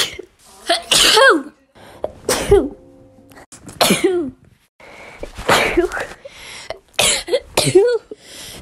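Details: Child (daughter) sneezing repeatedly: a run of about eight sharp, explosive bursts in nine seconds, each with a quick breath-in and a voiced burst; repeated sneezing.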